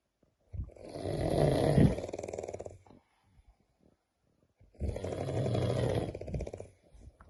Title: SNORING LIKE HELICOPTER SOUND#గురక